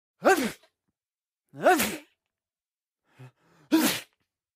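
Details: Sound-effect recording of an adult man sneezing into his arm: three loud, voiced sneezes in quick succession with a brief sniff before the last; sneeze.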